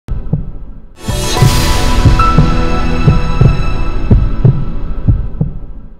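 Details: Heartbeat heard through a stethoscope during a health check-up: regular lub-dub, about 85 a minute, with ringing musical tones over it.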